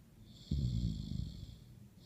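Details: Snoring during sleep, with voice-over: a single deep, rattling snore lasting about 1.5 seconds over a steady high hum.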